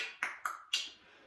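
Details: Vocal tic in a male with Tourette syndrome who has a variety of motor and vocal tics, demonstrating a vocal tic he considers more noticeable than his finger-crossing motor tic.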